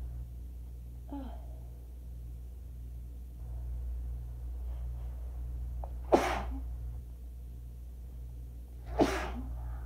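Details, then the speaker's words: Two forceful sneezes about three seconds apart after a small catch of breath, over room hum and a neighbor's TV, during an allergy attack on waking from a nap; the person says they often get sneezy after waking. "Sometimes I get really, like, sneezy right like when I wake up, and by sometimes I mean like all the time."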